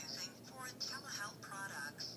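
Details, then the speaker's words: Synthetic voice prompt from a FORA D40g 2-in-1 blood glucose and blood pressure monitor, playing a sample of its voice at volume setting five during set-up. "the higher the number obviously the higher the volume so it really is your preference and it always gives you a testing by repeating the number so let's go ahead and select on five"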